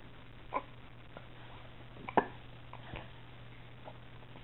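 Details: Quiet, sharp little catches in the breath a few seconds apart, somewhat irregular: hiccups in an infant playing in an exersaucer.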